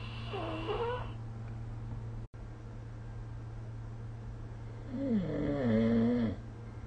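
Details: Snoring recorded with the SnoreLab app: two rattling, wavering snores on the in-breath, about five seconds apart, over a steady low room hum.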